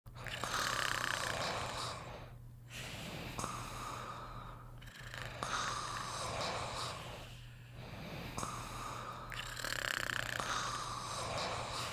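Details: Two sleeping together, snoring: rough, rattling snores with each breath, about five breath cycles in twelve seconds, over a steady low background hum.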